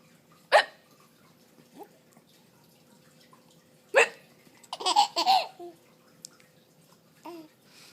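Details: 4.5-month-old baby hiccupping, sudden sharp hiccups, one setting off a short burst of giggling as mom fakes a hiccup, in a quiet room.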